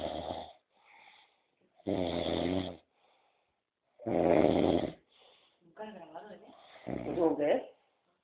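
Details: Heavy snoring: loud, rough, rattling snores repeating every few seconds, with quieter breathing sounds between them.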